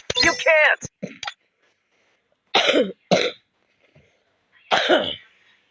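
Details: Cough while playing a game: brief speech, then a few short, separate coughs with quiet gaps between them.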